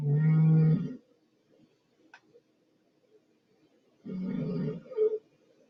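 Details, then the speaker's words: Man recorded snoring at night in his kitchen: two loud, low, rattling snores about four seconds apart, with quiet breathing and faint room noise between them; snoring. "right so listen to this see if you can hear anything here that's me snoring"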